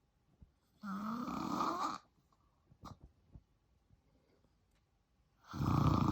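Two loud, rough, rattling snores on breathing in, separated by a few seconds of quiet breathing; ordinary snoring during sleep.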